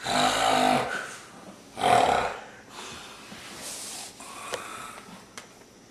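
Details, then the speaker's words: Two loud, rough, rattling snores about a second apart, then quieter breathing in a small room; loud snoring during sleep. "What are you doing? You're snoring like a banshee."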